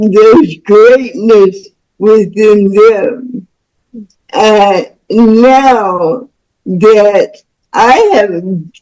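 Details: Woman about to turn 49 with spastic cerebral palsy since birth, which she attributes to being born with the umbilical cord around her neck five times; real, unacted speech; dysarthria in cerebral palsy.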